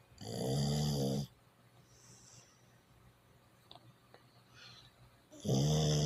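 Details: Sleeping pit bull dog snoring like a human: two loud, deep, buzzing snores about five seconds apart, with quiet breathing between them.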